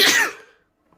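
A single sharp, explosive sneeze burst that fades within half a second, followed by quiet.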